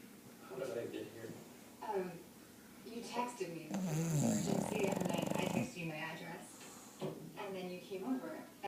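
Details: Sleeping bulldog snoring: loud rattling, snorting breaths repeating in a slow rhythm, typical of a flat-faced dog; snoring.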